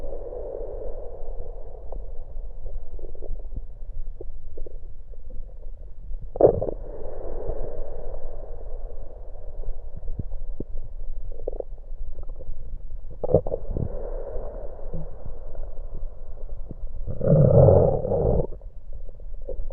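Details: Abdomen recorded with an electronic USB stethoscope while drinking cola; muffled gurgles and rumbles with louder bursts from swallowed soda and gas moving inside; bowel sounds (stomach gurgling).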